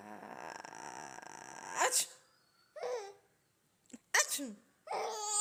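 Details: An adult woman's sneeze followed by bursts of laughter and vocalizing from a six-month-old baby girl, with a few more sneeze-like bursts in a small room; sneezing.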